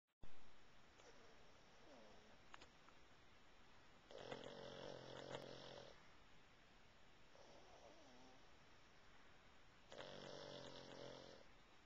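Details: Pug napping on a person, snoring during sleep: two loud rattling snores on the in-breath about ten seconds apart, with softer whistling breaths between them.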